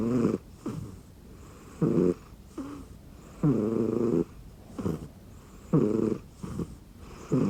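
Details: Sleeping rescue cat lying on an arm pillow under a blanket: soft, rhythmic snoring with low fluttering sounds on each in-breath, about three breaths in seven seconds.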